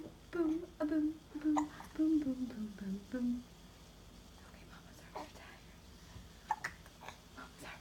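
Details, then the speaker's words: Baby whose giggles turned to hiccups; soft pitched voice sounds at first, then quiet with a few brief, sharp catches of breath: hiccups. "You have the hiccups now."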